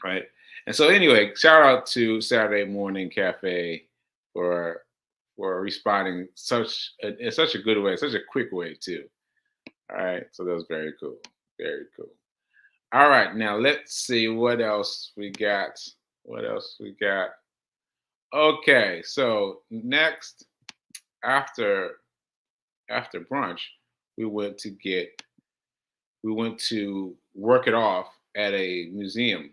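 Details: Man with aphasia, a language disorder affecting communication, about six months into recovery since July; aphasia.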